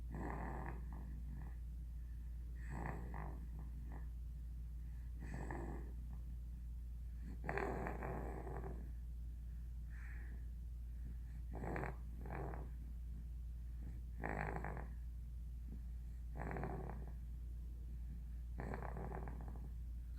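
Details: Soft, irregular snorting snores about every two seconds over a steady low hum, from a sleeping 5.5-month-old puppy; ordinary snoring.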